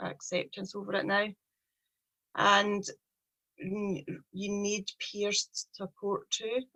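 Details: Stuttering (stammering) in a 43-year-old woman with a speech problem since age three.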